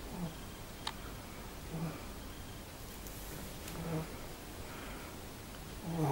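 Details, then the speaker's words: A sleeping dog in the background of a yoga lesson gives soft, low, rumbling snores about every two seconds, roughly 28 a minute, over quiet room noise: dog snoring. "that sound you can hear in the background probably is my dog snoring cuba the yoga dog doing restorative yoga of her own"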